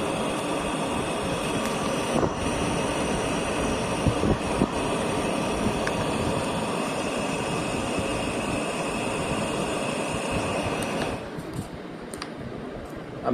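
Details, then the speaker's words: BiPAP machine running in CPAP mode at a single pressure (start pressure 6) in a home-use training demonstration: continuous airflow rush and motor hum; normal operation. "तो ये सीप mode start हो गया। अब इसको आप start कर दो। ये सीप मोड स्टार्ट हो गया।"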